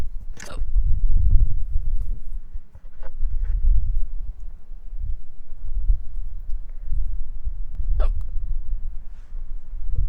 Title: しゃっくりの音/Hiccup sound